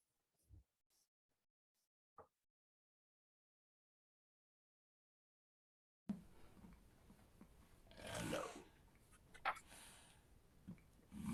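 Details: Esophageal speech after laryngectomy: air is injected by the tongue base pushing against the back of the throat, vibrating throat tissues as the voice source.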